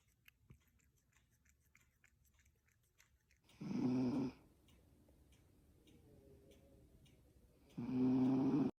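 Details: Sphynx cat snoring, heard along with eating/snacking on frozen yogurt; snoring.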